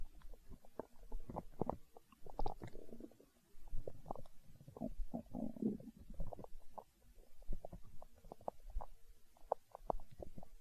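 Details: ASMR recording of a growling stomach tagged as hunger sounds: low, irregular gurgles and rumbles in bursts with short pauses; stomach growling (borborygmi).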